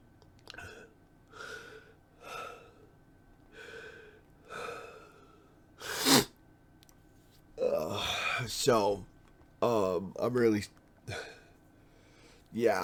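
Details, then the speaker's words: A run of about six short, breathy coughs, then strained, groaning vocal sounds and another cough from an adult whose cough is painful and obstructs talking. "this is this is painful like I could just live with the cough but it's as you can hear obstructing my ability to a talk"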